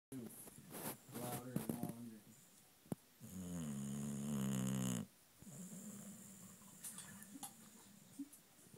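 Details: Very tired boxer dog asleep: low, rattling snores with some snuffling, including one long drawn-out snore; snoring.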